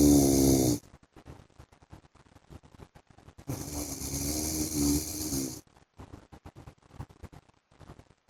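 Two long, loud rattling breaths with a steady buzzing tone, separated by quiet gaps with faint clicks; heavy snoring during sleep.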